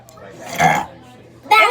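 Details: A school-age girl gives a short, rough voiced belch, followed by the start of speech; burping.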